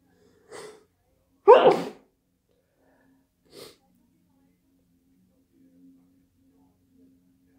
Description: ACCHHHHOOOOO had a sneezing fit late at night